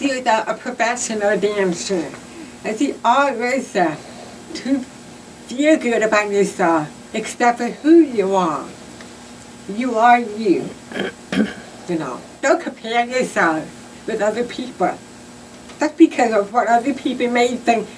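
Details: Adult cochlear implant recipient who grew up with hearing loss; deaf speech.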